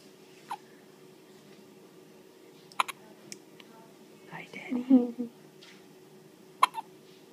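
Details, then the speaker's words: Child with ordinary hiccups: sharp, brief hiccup sounds recurring a few seconds apart in a quiet room, with soft vocal sounds between them. "You get the hiccups, huh?"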